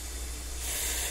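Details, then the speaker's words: Steady airy hiss with a low hum underneath from a man's home breathing machine running in the background while he sleeps. "South that's my husband's breathing machine so I can't do anything about it while he's sleeping"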